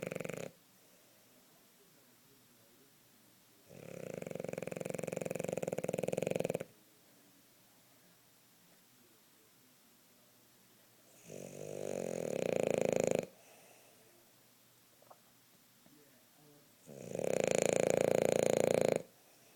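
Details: Hazel, a female dog, napping and snoring: slow, rattling snores, three long breaths in about 20 seconds with quiet pauses between, roughly nine breaths a minute.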